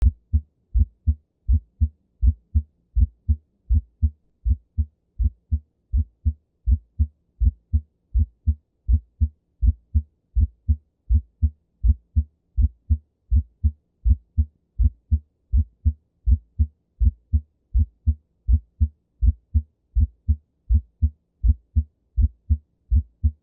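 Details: Regular heartbeat near 80 a minute with the first heart sound split into two close components, from the time delay between mitral and tricuspid valve closure: split S1 heart sound.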